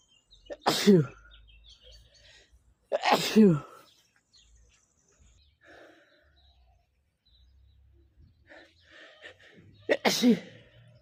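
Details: Male trying to stifle sneezes, possibly photic, random or cold-related: three forceful sneezes, each a sharp intake then explosive burst, separated by quiet breathing; repeated sneezing.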